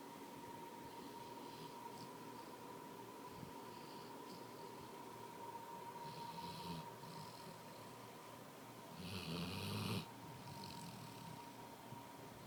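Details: Person snoring: rough, rattling snores come and go over a steady background hum, with louder bursts near the end.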